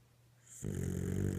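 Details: Dog snoring while asleep: a quiet stretch, then a loud, low rattling snore on the breath in.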